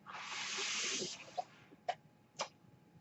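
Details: Mechanical ventilator breath.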